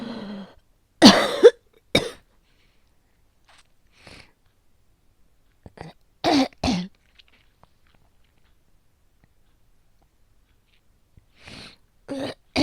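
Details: Repeated short, harsh coughs and throat clearing in bursts separated by pauses in a quiet room, recorded from a real person whose asthma is making the cough persist; cough in asthma.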